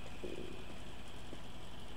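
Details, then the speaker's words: Adult gamer's stomach gurgles audibly while playing a video game: a brief, quiet, wavering gurgle over a low steady hum; stomach rumbling (borborygmi). "Ouh, je sais pas si vous avez entendu, j'ai eu le ventre qui a gargouillé. J'ai le ventre qui a gargouillé."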